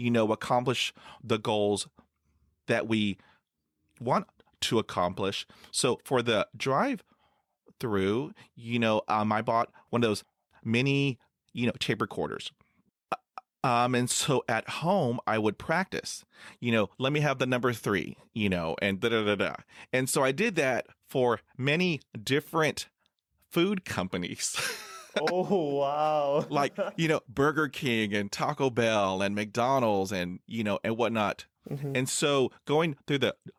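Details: Adult male who has stuttered since about age 3 to 3.5, with blocks; stuttering.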